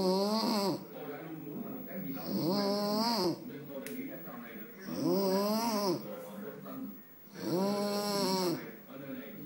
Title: The sound of...snore...